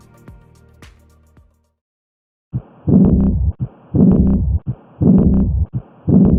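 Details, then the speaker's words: Simulated heart sounds in real time with an early diastolic, decrescendo blowing murmur after each beat, caused by abnormal aortic valve closure; aortic regurgitation murmur. "the first one is aortic regurgitation this murmur is heard during diast and is considered an early diastolic murmur it is represented pictorially with a de Crescendo sound wave"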